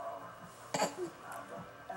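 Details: A boy makes one brief explosive burst of air against soft background sound, a single sneeze, possibly fake, that he found funny.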